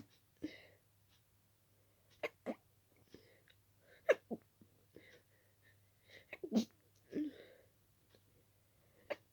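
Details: Repeated quick, wet, partly stifled sneezes with sharp inhalations between, with intensely itchy, flaring nose; allergic sneezing fit in someone very allergic to dust.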